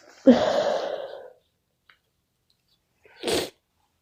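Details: Repeated sneezing in a person who has been sneezing all day from an unknown cause: a loud, drawn-out sneeze, a pause, then a second short, sharp sneeze.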